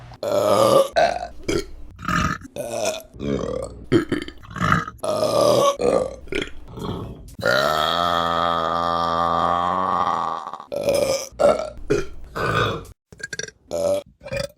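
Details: Repeated burping: rapid run of loud short belches, then one long sustained burp of about three seconds, followed by more short burps.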